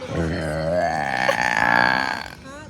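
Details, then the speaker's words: A little kid's single long, loud, voiced belch; burping. "Look at this guy burping. Part two."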